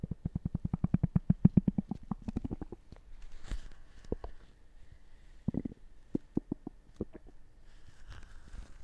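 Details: Stomach gurgling with rapid bubbling, popping gurgles that fade into scattered pops; ordinary borborygmi.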